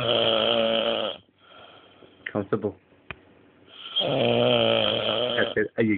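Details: Long, loud, rattling inspiratory snores separated by quieter breaths and brief snorts from a man asleep after getting drunk; heavy snoring.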